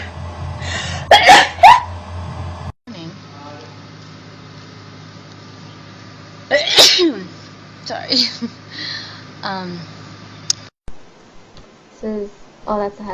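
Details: Girl sneezing in a compilation of sneezing clips; a sharp sneeze with a quick in-breath, followed by chatter and background music; an ordinary sneeze.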